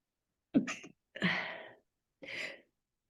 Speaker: Excuse me. If you take my classes at places, whether it's Orange Theory or anywhere else, you'll know I sneeze all the time.